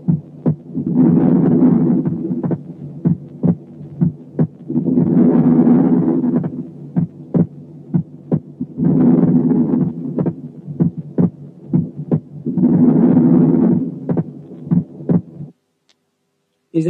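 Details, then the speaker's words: Normal physiological (inspiratory) splitting of S2, common in normal people and especially children, heard over the pulmonary area with loud breath sounds. Regular heart sounds; S2 splits into two components on inspiration and becomes single on expiration. "في الإنسان الطبيعي وخاصة الأطفال السكند ساوند بيبقى سبليت لتو كومبوننتس في الانسبيريشن، ويرجع سنجل في الاكسبيريشن."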